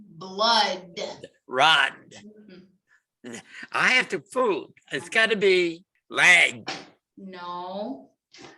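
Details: Man with fluent (Wernicke's) aphasia in a word-retrieval therapy session, trying to say a word he has just read; competing related words and sound/letter information cause paraphasic errors before the target. Fluent aphasia with paraphasias.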